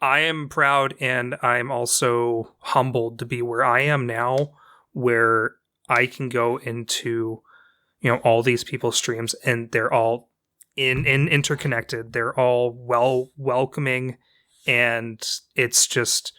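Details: Adult woman with a self-reported speech impediment, including difficulty getting past sentences or phrases and elongated vowels; stuttering (speech dysfluency).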